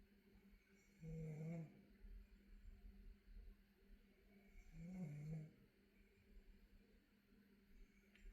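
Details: Snoring: two deep, rumbling snores on breathing in, about 16 breaths a minute, over steady room hum.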